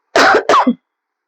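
A single short cough followed at once by a brief throat clear from an adult woman.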